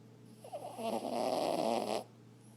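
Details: Small male chihuahua-mix dog, a recently adopted former stray: one loud, rough, rattling snore on a breath of about 1.5 seconds, over a faint steady room hum; snoring.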